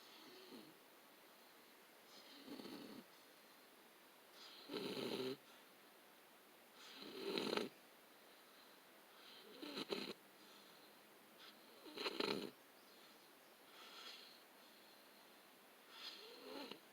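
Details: Sleeping male beagle: soft, snorting, rattly breath sounds recur about every two seconds, roughly 25 a minute; dog snoring.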